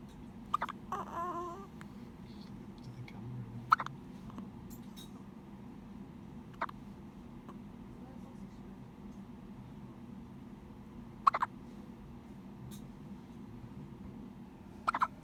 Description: Two day old baby hiccups